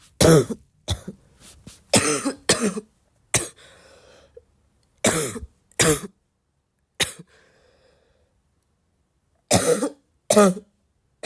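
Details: Repeated harsh, dry barking coughs, about ten in short clusters separated by quiet pauses, from a person who is still sick and coughing a lot.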